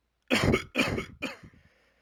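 Three short harsh coughs in quick succession, the last trailing off, in a quiet room.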